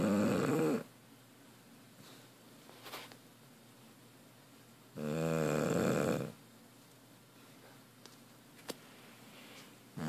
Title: Chopper the bulldog snoring